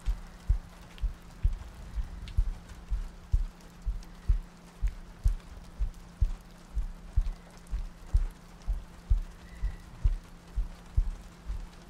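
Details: ASMR sleep-aid loop, likely simulated: steady low heartbeat thumps at about 62 per minute with soft rain background, meant to sound like lying next to a partner; regular heartbeat.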